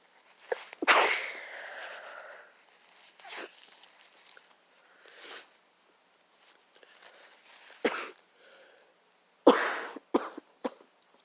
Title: Sick sneezing.